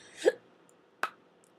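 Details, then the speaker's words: Person with tics (also OCD, ASD), off medication about two months with tics worsening: two abrupt hiccup-like inhaled gulps about 0.75 s apart, each cut off suddenly; a breathing tic, not a true hiccup. "um i know it sounds like a hiccuping tick but actually i it's a breathing tick where i breathe and i stop"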